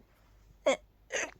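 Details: Sneezing while sleepy after sleeping with the window open, attributed to pollen: two short, sharp bursts of air in quick succession; sneezes.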